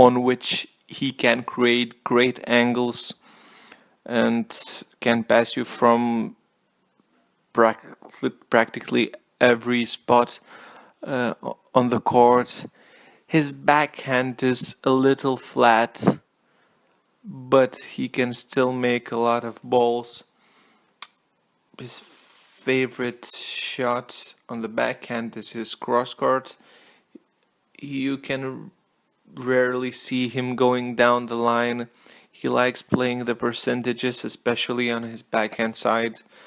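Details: Male self-reported stutterer speaking English as a non-native language; stuttering.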